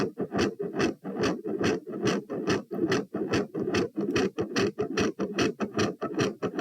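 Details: Heart recorded at position P while standing: rapid, regular heart sounds near 145 a minute with a quiet first sound and a loud, sharper second sound; tachycardia with quiet S1 and loud S2.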